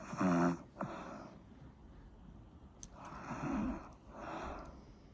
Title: Snoring sound